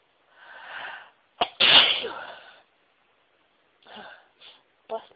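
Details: Sneeze: breathy build-up breaths over a long teasing build-up, then a loud explosive sneeze, followed by a few softer breaths and a small sneeze.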